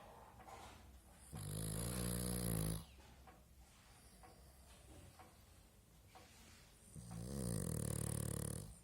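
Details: Pug snoring while asleep: two long, loud, rattling snores separated by a quiet pause.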